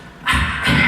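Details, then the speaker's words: Bronchial (tubular) breath sound on lung auscultation, demonstrated as the most common pulmonary "soplo", found in consolidation syndrome and pneumonia. "Ese es el soplo más frecuente que van a escuchar ustedes, el soplo tubárico, que se encuentra en el síndrome de condensación, en la neumonía."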